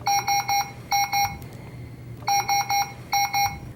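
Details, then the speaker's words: Puritan Bennett 560 home ventilator with its circuit disconnected from the client, alarming after three to four breaths: repeating bursts of three sharp high beeps; ventilator low pressure alarm. "the ventilator will visibly and audibly alarm suggesting an alarm situation and likely a patient disconnect"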